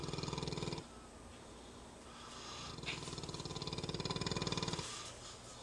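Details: Snoring while napping: rhythmic rattling snores on breaths, loud vibrating runs with quieter gaps between; snoring.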